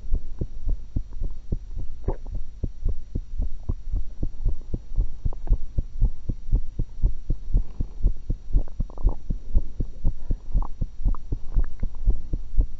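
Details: Normal heart sounds of the recorder, eating after one apple and one cucumber, through a single stethoscope: a fast, regular, thumping heartbeat of about 118 beats a minute over a steady background hum.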